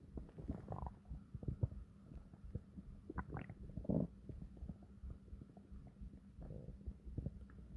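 Deep, prolonged gurgling and rumbling from the abdomen: ordinary stomach growling from gas and fluid moving through the gut.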